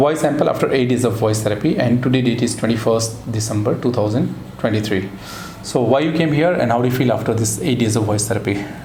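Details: Adult male speaker (therapist); normal voice.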